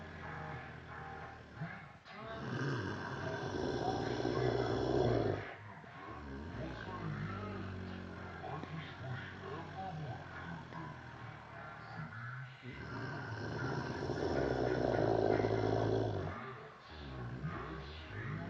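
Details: A man's (brother's) heavy snoring: loud, rough, vibrating, long drawn-out breaths roughly every ten seconds. Snoring.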